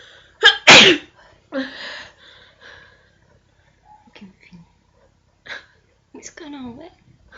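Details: Deliberately provoked sneeze during a sneezing challenge, triggered by poking an object up the nose: a sharp, forceful sneeze with a short lead-in breath, then brief vocal sounds and quiet breathing.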